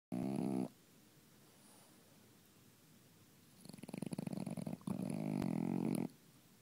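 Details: Sleeping pet snoring: a brief tonal snort, a quiet pause, then a fluttering rattle running into a long, droning snore.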